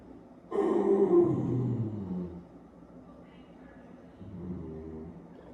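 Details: One long, loud, low-pitched belch lasting about two seconds and falling in pitch, then a softer rumble; burping from a boy in a compilation.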